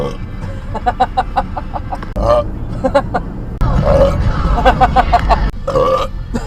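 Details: Repeated burping while driving: several loud, drawn-out belches in a row, with car noise and music in the background.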